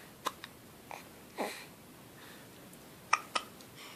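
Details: Baby hiccuping, awake and looking around; several brief, abrupt catching sounds, some in close pairs, in a quiet room; hiccups.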